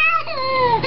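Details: Cranky firstborn infant being comforted by her father: a brief, loud cry with a clear, strong voice and falling pitch, an ordinary fussy cry.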